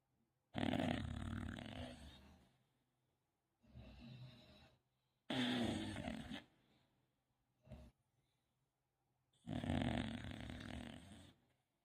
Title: pawpaw dog snoring #englishbulldog